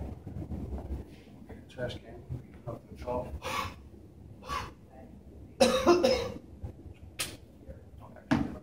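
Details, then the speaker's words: Role-played huff coughing (forced expiratory technique) by a student physical therapist's patient with thoracic pain and lung secretions, after percussion and vibration in postural drainage: breathy forced exhalations then sharp coughs, quiet talk between. "and then after I get done with my percussion vibrating we're going to Huff and cough like we did the first first time when you're on your stomach okay"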